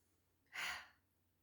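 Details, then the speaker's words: A single short, forceful breathy huff through an open throat after a long inhale, deliberately demonstrated in a breathing exercise class to clear mucus; huff, forced expiration technique. "So it's a long inhale and then a short huff sound out. So inhale and then a short huff out."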